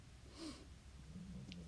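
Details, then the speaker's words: Female pet dog sleeping in a quiet room, heard in the background: low, rumbling snorts; ordinary harmless snoring. "I'm just placing some decorations here and I apologize if you can hear my dog snoring in the background"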